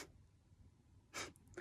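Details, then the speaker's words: Deliberate nasal cough: a short, sharp huff of air forced through the nose with mouth closed, a trick to clear airways and control over-breathing during a coughing attack. "so try this little trick when you're trying to cough see if you can try and cough through your nose"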